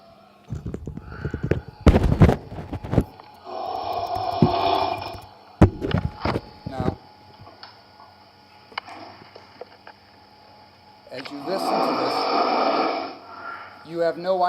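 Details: Snoring in a talk on differentiating snoring from obstructive sleep apnea in patients with atrial fibrillation: loud, rough, rattling snores in bursts, with quiet gaps of several seconds between groups.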